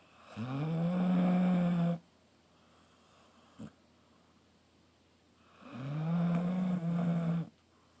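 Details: Snoring in an 11-year-old female basset/beagle mix in fairly good health: loud, low, buzzing snores on each in-breath, about two seconds long, with quiet exhalations between them.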